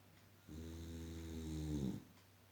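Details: Female Boxer dog asleep and snoring for the past hour: one loud, low, buzzing snore rising through a long breath; ordinary sleep snoring.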